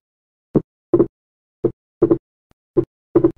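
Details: Wide persistent splitting of S2 in right bundle branch block: slow heart sounds, about 55 a minute, with the two S2 components widely separated on every beat. The split varies with respiration, is not fixed, and does not fuse into a single sound on expiration.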